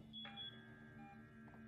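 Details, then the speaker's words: Automatic blood pressure cuff inflating on a simulation mannequin connected to a hospital-style monitor: steady low motor hum with a few soft beeps; programmed reading then displayed as 115/58. "on entend le bruit du brassard qui se gonflent exactement comme dans la réalité"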